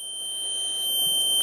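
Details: Steady high-pitched electronic alarm tone, slightly muffled because the unit is partly covered, as a repaired Philips Respironics EverFlo oxygen concentrator control board powers on.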